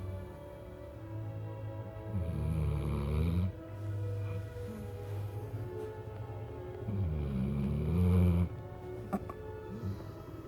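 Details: Big black puppy snoring while sleeping lazily: low, rumbling snores on slow breaths, about 12 a minute, with music playing in the background.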